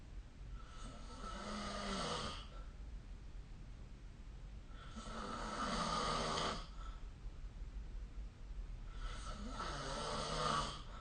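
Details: Snoring recorded with the SnoreLab app: slow, rough snores with each breath, about 14 breaths a minute, against steady background hiss.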